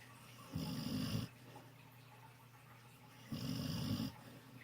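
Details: Dog snoring while napping with its face in the sun: two low rumbling snores a few seconds apart, each under a second long, over quiet room noise.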